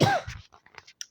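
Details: Sick girl with allergies and a hoarse voice, playing Roblox Granny: a single short harsh cough followed by a few faint throat sounds, with game audio in the background.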